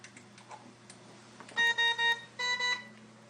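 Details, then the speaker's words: Clicks as a Newport HT70 Plus ventilator starts, then repeated steady electronic beeps: high pressure alarm with a simulated patient with very stiff lungs, set at FiO2 40% with PEEP, in a training demo. "And right away you can see I got a high pressure. So I'm going to go, it's going to try to deliver her a breath, but I'm going to go right to the alarm and figure out what it is. It tells me high pressure, so I know Susie likes her pressures up high."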